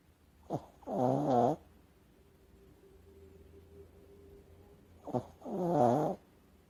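Two slow sleep breath cycles in a cat, each with a brief inward snort and a rattling, purr-like snore, in a quiet room.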